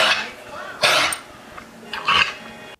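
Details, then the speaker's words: Dog recently boarded in kennels, otherwise healthy, with harsh, dry, honking coughs with a retching, throat-clearing quality as if something is stuck in his throat; kennel cough (canine infectious tracheobronchitis). "he is now making these horrible coughing sounds as if something is stuck in his throat but is otherwise looking"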